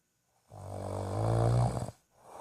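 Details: Person snoring: one loud, low, rattling snore on a breath in, lasting about a second and a half, then quiet.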